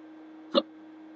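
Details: Persistent hiccups at 3:30 in the morning in someone lying in bed trying to sleep; a breathing trick hasn't stopped them. A single short, sharp voiced hiccup over a faint steady hum.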